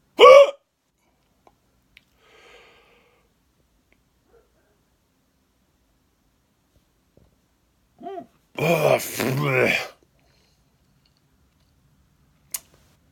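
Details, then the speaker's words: Person who thinks they ate too fast; a sharp voiced catch near the start and another around eight seconds, with a short burst of voicing between; hiccups. "I think I ate too fast. Uh, well, that didn't work. Got the weirdest hiccups"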